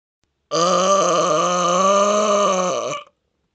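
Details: One very loud, sustained belch of about 2.5 seconds with a deep rumbling tone, from attempts at the loudest-burp world record measured with a decibel meter (claimed 113–127 dB); burping.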